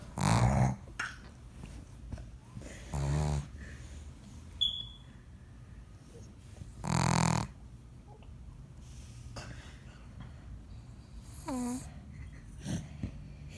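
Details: Sleeping female pug: loud, low, rattling snores at irregular intervals with soft snorts and whistling sounds between them; snoring.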